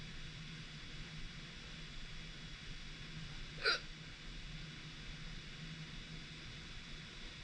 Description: I recorded a new hiccup sound!